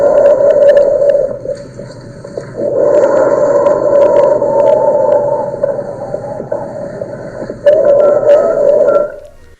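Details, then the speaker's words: Stridor, caused by difficult airflow through the upper airway, played as a demonstration: a harsh, high-pitched crowing noise with each breath in, softer between breaths. "Mejor vamos a escuchar cómo sería el sonido de un estridor. Un un estridor, un estridor, el cual es provocado por la dificultad del paso de aire en la vía aérea superior."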